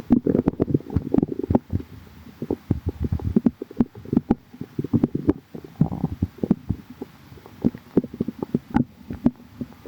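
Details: Stomach growling from a calm tummy: soft gurgling with frequent brief pops and clicks from the abdomen, typical bowel sounds (borborygmi).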